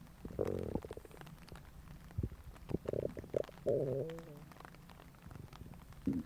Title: Realistic stomach growling sound effect